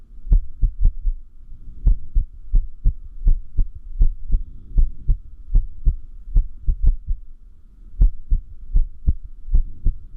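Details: Irregular heartbeat (arrhythmia), which the person says increases with lack of sleep: low thudding beats, about 79 a minute, with uneven gaps and clustered beats.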